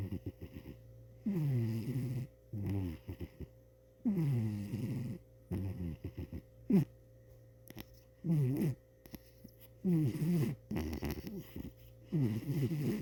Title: Cheeto The Snoring Cat